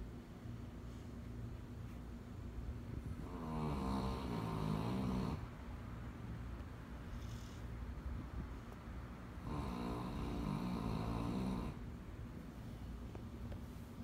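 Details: Sleeping puppy with two slow, fluttering snores about six seconds apart in a quiet room, roughly ten breaths a minute: snoring.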